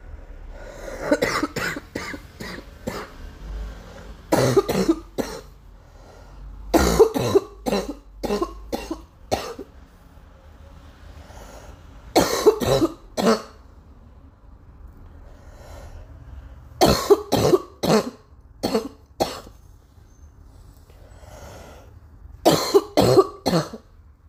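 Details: Persistent adult cough: repeated bouts of several short, dry-sounding coughs, recurring throughout.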